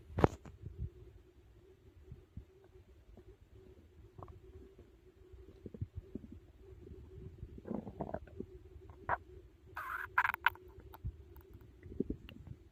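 Low rumbling and bubbling gurgles with occasional louder squeaks; normal stomach growling after a large meal.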